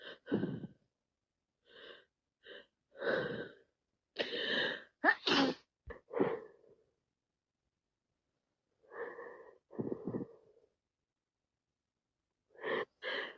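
Quick sniffles and several sharp, wet sneezes with catching breaths between them; repeated sneezing of a head cold.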